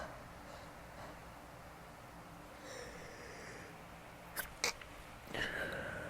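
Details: Person sneezing in a quiet room, cause unknown, possibly allergies, after two earlier sneezes: drawn-in breath, sudden sharp bursts of air and trailing exhale.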